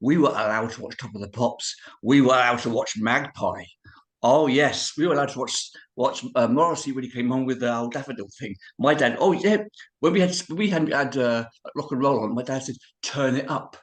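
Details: Man of about 51-52 with cerebral palsy who describes his own speech impediment; dysarthria (cerebral palsy).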